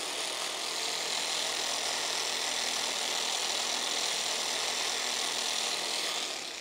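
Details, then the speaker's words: Loud, steady mechanical buzzing of a percussion massage machine loosening tight soft tissue, left side worse, in a chiropractic session for a woman with hiatal hernia, before adjustments. "Loud machine, but effective. What this does is it just loosens up all the soft tissue in here, which is very tight, as you can feel there."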